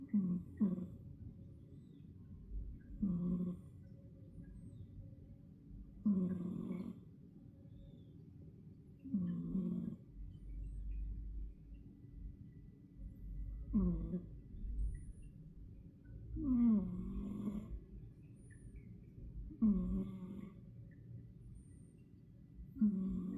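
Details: Napping cat snoring during a siesta, regular low rumbling bursts about 19 a minute with a steady breathing rhythm.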